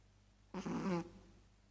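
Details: Chihuahua snoring while asleep: a single brief, buzzing, snort-like snore in a quiet room.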